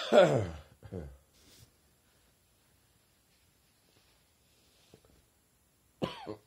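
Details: Adult with a summer cold coughing again: a loud, harsh voiced cough, a weaker follow-up cough, then another cough after a pause.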